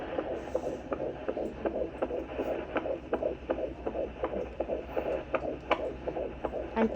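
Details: Fetal heartbeat on Doppler, heard for the first time; fast, regular whooshing pulses about 160 a minute, described as strong, normal range 120 to 160 with accelerations up to 180.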